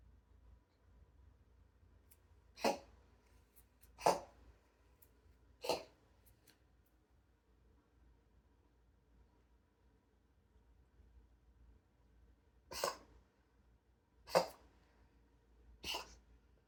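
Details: Sphynx cat with an occasional cough of unknown cause, as the owner asks: six short, sharp coughs in two clusters of three, separated by quiet breathing.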